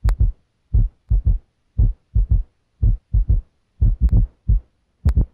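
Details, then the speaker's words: Low, dull heart sounds at about 58 a minute in a three-beat galloping rhythm: a low-pitched extra sound in early diastole right after S2, from ventricular wall vibration; S3 gallop. "because this low pitched sound happens right after S2 it produces a galloping Rhythm as in the word"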